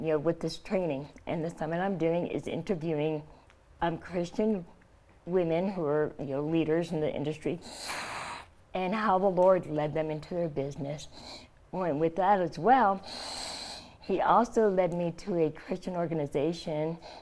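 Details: Adult woman, stage 4 epiglottic cancer survivor (2009), treated with surgery, chemotherapy and radiation; scar-closed airway, open tracheostomy stoma covered by thumb to speak; partial glossectomy for tongue cancer, no teeth or saliva glands; tracheostomy speech with articulation changes.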